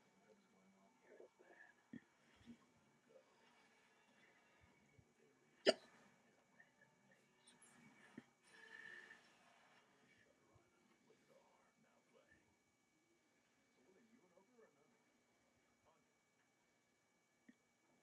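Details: Sharp, abrupt hiccup, a sudden involuntary catch of breath, in a quiet room with faint background noises; hiccups.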